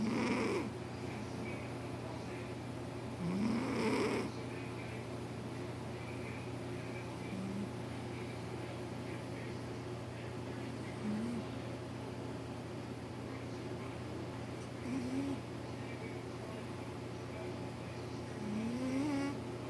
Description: Callie the calico cat doing what she loves most, sleeping and snoring. Her snoring is so loud and I cannot sleep!